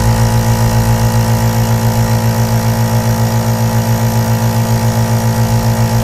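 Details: Aerosol nebulizer compressor running: a steady, loud motor hum with a fast regular pulsing.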